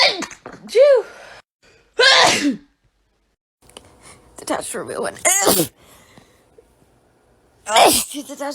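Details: Sneezing compilation clip: a person with allergies who says they sneeze constantly gives four loud sneezes, each with a rising voiced wind-up and sharp burst, with short talk between them.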